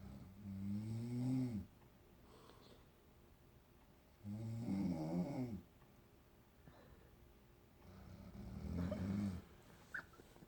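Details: A mother snoring in a shared hotel room: three loud, rattling snores on breathing in, about 15 a minute, separated by quiet breathing out. This is ordinary sleep snoring.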